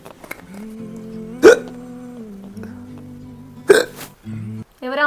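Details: Acted hiccups in a wife-vs-husband comedy skit: two sharp, sudden gulping bursts amid soft music and a hummed voice.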